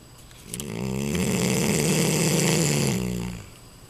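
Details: Neapolitan Mastiff, a little over a year old, snoring loudly in sleep: one long, loud, deep rattling breath with rapid fluttering vibration; heavy snoring.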